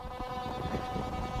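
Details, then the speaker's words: QRS Quantron Resonance System pulsed magnetic device on vital intensive program, 8 minutes; steady intense humming drone with low rumble, more consistent than relax pattern without pulsations; pulsed magnetic field device signal. "can actually hear a much higher intensity signal with that and you can hear that the signal pattern is different it's more consistent it doesn't have the same pulsations that the relax pattern did"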